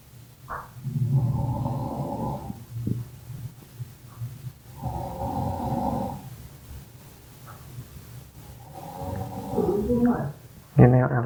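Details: Loud, low, rattling snores in slow regular cycles, about 16 a minute, from a person during sleep; snoring.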